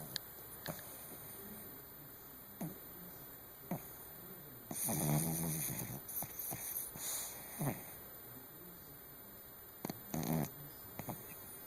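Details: Male Chihuahua (Pomeranian mix per title), a heavy snorer, recorded in the dark while asleep: soft snuffling breaths with short rattling snores, some sniffing and clicks over a steady hum; snoring.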